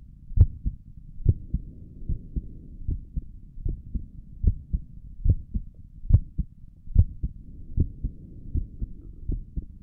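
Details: ASMR recording of the creator's own heartbeat through a stethoscope on the chest; steady, regular paired low thumps at about 70 beats a minute; stomach gurgles occur during the recording; normal heart sounds.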